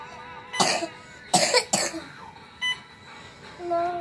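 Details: Young child in hospital coughing: three short, harsh coughs, with faint monitor beeps in the background.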